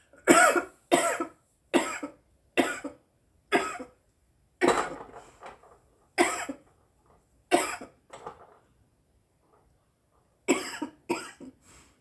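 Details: Woman smoking cannabis: about a dozen harsh, dry cough bursts in clusters with short pauses between them after inhaling smoke.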